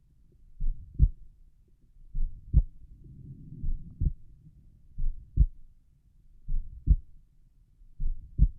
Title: Relaxed pulmonic valve heart sounds